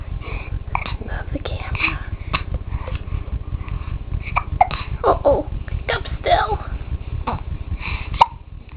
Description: And during the filming, she got the hiccups-- d'oh!!